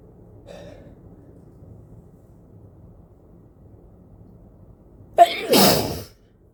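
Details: Person with a cold sneezing into a face mask: quiet breathing and a brief inhaled catch, then one sharp, forceful sneeze near the end.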